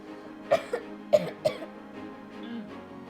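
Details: Cough from a person playing under a blanket in a playful magic-trick skit, who then asks what is in their mouth.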